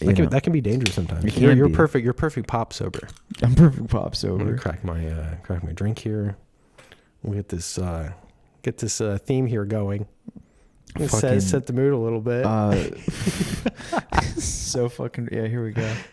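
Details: Adult man speaking; no disorder.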